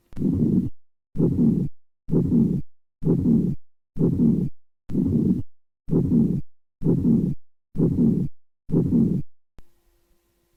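Regular scratchy, grating bursts about 64 a minute, a pericardial friction rub with presystolic and systolic parts.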